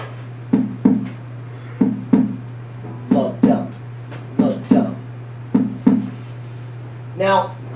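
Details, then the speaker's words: Normal physiological heart sounds played overhead as a teaching example: regular paired lub-dub beats, about 47 a minute, over a steady hum; S1 is mitral and tricuspid closure, S2 aortic and pulmonic closure. "That lub-dub sound effect that you heard, that was the result of those physiological heart sounds. That S1, that lub, is the closure of the mitral and tricuspid valves."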